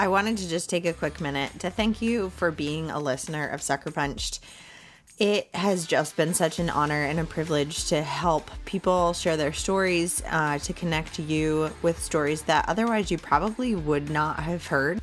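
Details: Adult woman speaking; unaffected speech.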